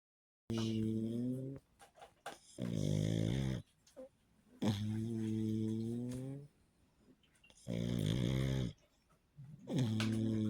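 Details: Frodo, a sleeping pug: loud, rhythmic rumbling snores at about 29 breaths a minute, with snorting noises between them; dog snoring.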